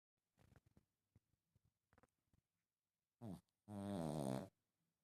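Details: Sleeping Pug: soft clicks and snuffles, then a short snort and one long, loud, vibrating snore.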